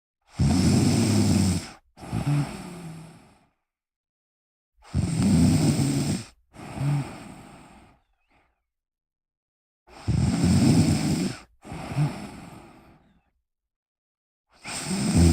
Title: my cousin snoring soothingly